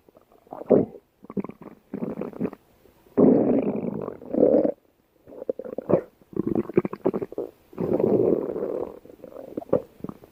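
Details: Stomach growling (borborygmi).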